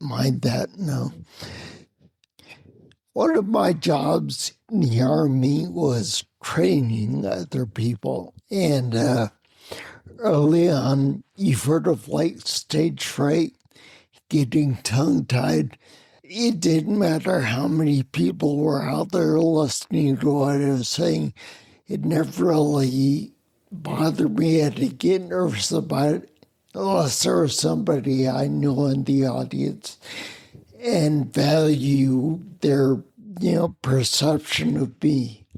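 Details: Adult man with spinocerebellar ataxia of unknown cause, slurred speech since around 1999, difficulty being understood on the phone; ataxic dysarthria (slurred speech).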